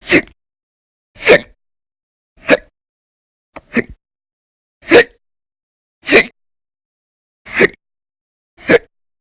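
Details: Persistent hiccups recorded in December 2019, with episodes lasting about 10–13 hours a day and described as violent and very loud. Eight short, abrupt gulping hiccups about every second, roughly 50 a minute.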